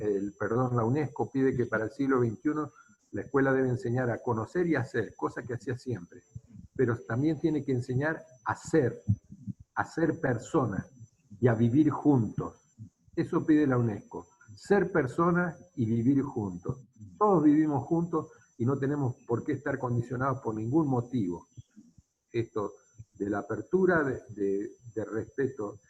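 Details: Adult man speaking Spanish; ordinary speech.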